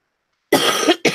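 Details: After a brief silence, one harsh cough burst and the start of a second, with no wet rattle, from someone recovering from an illness, still coughing with a runny nose on the first day of feeling better: a dry cough.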